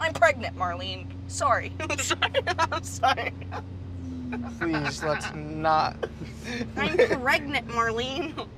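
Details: Young woman with an extreme form of Tourette syndrome producing a repetitive vocal tic phrase followed by apologies, tics growing more active and intense the closer she gets to her partner's parents; vocal tics (Tourette syndrome)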